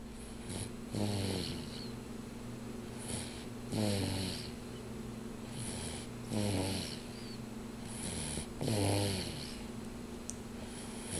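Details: Snoring while asleep on a person's chest: regular rattling snores, about four in eleven seconds, each with a hiss on the outbreath, over a steady background hum.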